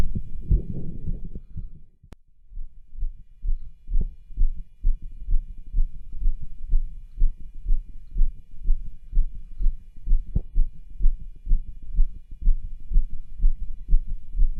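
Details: Cardiology stethoscope over the tricuspid, aortic and pulmonic areas with pushes to raise the heart rate; strong, regular heartbeats with rough, scratchy sounds between beats: heart murmurs and rub, most prominent over the pulmonic area.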